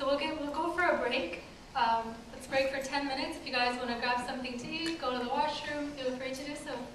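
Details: Adult woman; typical speech.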